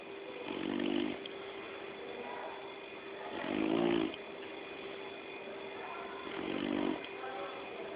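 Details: Sleeping Labrador dog: three rhythmic, rumbling snores over eight seconds, about one every three seconds, against a steady room hum; snoring.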